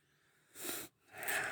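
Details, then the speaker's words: Two harsh, noisy breaths from a Bangkok chicken, the second with a faint whistle, still snoring after trimethoprim treatment; respiratory rales (snoring breathing). "Nah, si arimba ini dia agak sedikit ngorok. Agak sedikit ngorok. Anton sudah pakai trimijin. Hasilnya masih ngorok juga."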